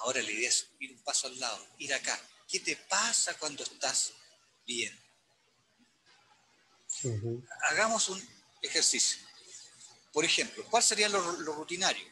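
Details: Adult male speaker; stuttering.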